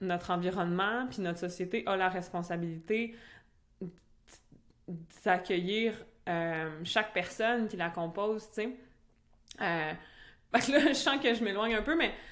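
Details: Adult French-speaking woman who stutters; stuttering.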